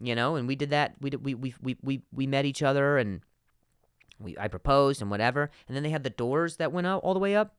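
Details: Adult man, real stuttering in spontaneous speech, repeating a word many times.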